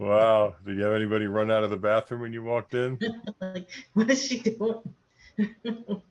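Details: Adult speakers in conversation; normal speech.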